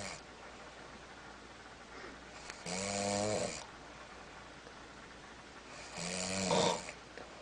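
Two loud rattling snores on inhaling, a few seconds apart, over steady room noise; ordinary snoring.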